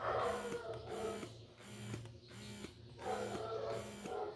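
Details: Real Bubee double electric breast pump, demonstrated in expression mode after stimulation mode: rhythmic mechanical whirring with a regular suction cycle about every half second.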